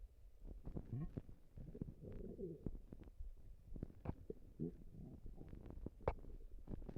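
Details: Stomach rumbling: quiet gurgles, squeaks and bubbling pops at irregular intervals as gas and fluid move through the gut.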